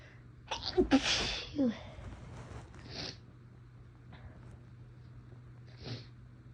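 A quick inward catch, then a burst sneeze, followed by softer hissing sneeze attempts, one partly stifled.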